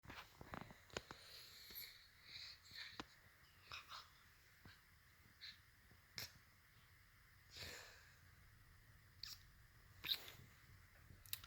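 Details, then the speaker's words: Quiet room with brief breathy bursts and sniffs, several stifled, half-formed sneezes that will not fully come out, with an unusual muffled quality; a weird sneeze, the third in a series. "It's right there. But it's not coming out. Fuck. That was a weird ass sneeze."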